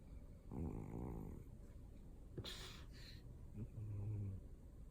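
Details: Pet described as a snoring cat, though the sound suggests a sleeping dog: low rumbling snores with a snort partway through, ordinary snoring.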